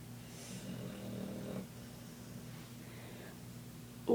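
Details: A single low, droning snore from a sleeping dog, then quiet breathing and a brief noise; loud dog snoring.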